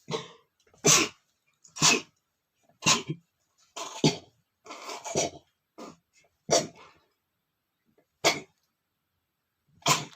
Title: sneezing male #16 (SOFTY SNEEZING!!)